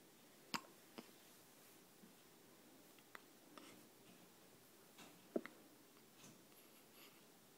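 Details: 12-day-old with hiccups: about five short, sharp, jerky catches spaced irregularly over several seconds, in a quiet room.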